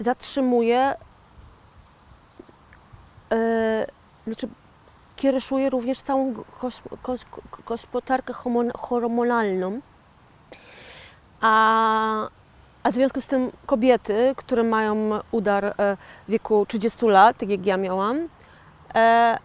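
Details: 41-year-old woman with aphasia after a stroke in 2009, self-described stroke survivor and aphasian; aphasia after stroke.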